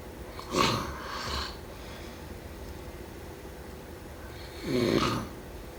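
Two soft snoring breaths, each a brief rough snore followed by a quieter exhale, over light room noise.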